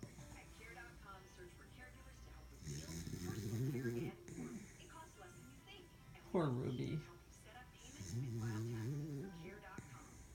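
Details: Beagle dog: repeated buzzing, rumbling breaths about every five seconds under television talk and music; snoring.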